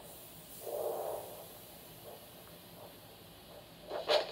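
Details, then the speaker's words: Handheld Doppler over the dorsalis pedis and posterior tibial arteries of both feet of an adult male for ankle-brachial index, result 1 (normal): soft rhythmic whooshing pulse bursts; normal arterial Doppler pulse. "So your ankle brachial index was 1, which is normal."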